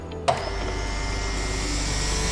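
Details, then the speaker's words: Suction machine connected to a suction catheter, switched on to check patency before nasal suctioning: a click, then a steady motor hum and hiss as the suction machine runs. "kemudian kita akan hubungkan ke alat sction lalu kita akan Cek kepatenan alat kita Nyalakan"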